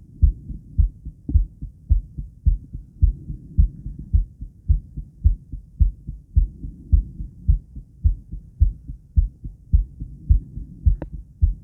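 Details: Woman's heart recorded around 50 squats, with blood pressure taken before and after: regular, steady heartbeat at about 107 beats a minute, slightly fast, consistent with a normal heart after exertion.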